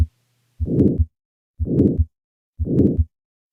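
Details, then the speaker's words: Crescendo-decrescendo systolic murmur that gradually rises then falls in volume: aortic stenosis murmur. "thus we have the crescendo de Crescendo shape which is a term borrowed from music in which a sound gradually increases in volume and then decreases in volume here's an example of such a crescendo de Crescendo murmur of aortic"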